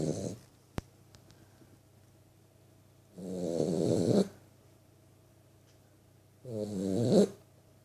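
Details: 3-month-old vizsla puppy snoring while asleep; snoring.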